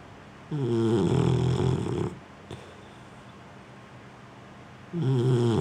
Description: Daisy our boxer snoring on the couch.